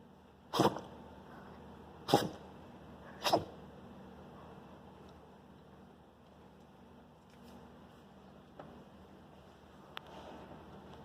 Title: sneezes